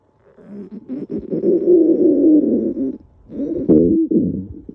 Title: stomach growl